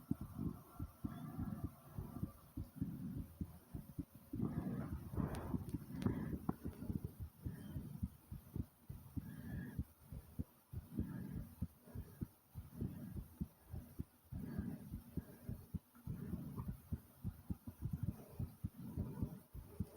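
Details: Rapid, thumping heartbeat about 100 a minute with heavy rising and falling breathing, recorded just after doing squats; fast heartbeat after exercise.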